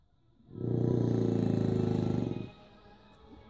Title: French Bulldog snores like a pig